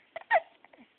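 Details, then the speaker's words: Six-week-old baby awake in the morning with a full belly after feeding: a couple of short, abrupt hiccups with a small voiced squeak in a quiet room; infant hiccups. "Hear the hiccups this morning? You say good morning? Say good morning."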